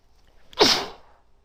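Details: Woman sneezing into tissues, with sneezes triggered by bobby pins; sneeze.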